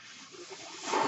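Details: The speaker's own mechanical ventilator heard during speech: a soft airy hiss swells near the end as it delivers a breath.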